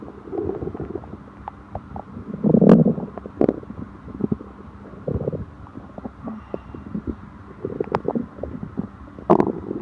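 Low, irregular gurgling rumbles with a louder burst midway: ordinary stomach growling from gas and fluid moving through the gut.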